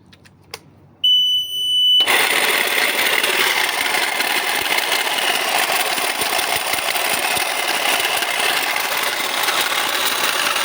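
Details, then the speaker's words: Brief beep, then loud, harsh, rattling mechanical roar running steadily from the worn pneumatic compressor of an Invacare Platinum 10-litre oxygen concentrator with about 1,887 hours; faulty compressor noise. "nuevo bastante desagradable este sonido ese sonido proviene de este elemento que es un compresor neumático obviamente para hacer nuestra O Nuestro proceso de separación"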